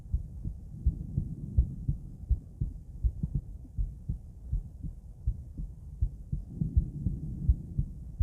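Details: Female heart auscultated with different stethoscopes, moving through Erb's point, mitral, tricuspid, aortic and pulmonic sites; steady lub-dub about 82 per minute with soft background hum; normal heart sounds.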